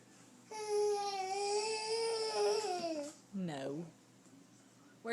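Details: 10-month-old infant crying: a sustained, high, tuneful wail lasting over two seconds, then a shorter rising-falling cry, with quiet room noise.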